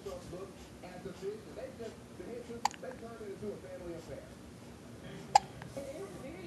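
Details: Six-week-old baby girl hiccuping, seemingly caught from her mother, growing a little upset after a few minutes: two sharp, sudden hiccups about three seconds apart over soft adult talk in a quiet room.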